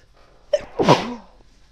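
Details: Female sneezing from snuff: a single sneeze, a sharp intake followed by an explosive burst of air through the nose and mouth.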